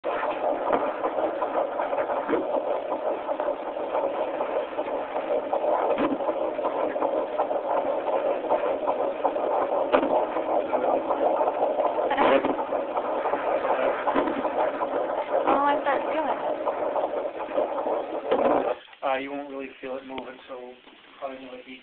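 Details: A healthy fetal heartbeat on a Doppler at a doctor's visit gives rapid whooshing at about 160 a minute, with brief static bursts from the baby kicking, which the doctor points out.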